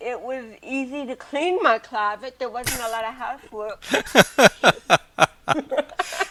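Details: Adult woman with cerebral palsy since birth, also hearing impaired and wearing hearing aids, speaking in an interview; dysarthria due to cerebral palsy.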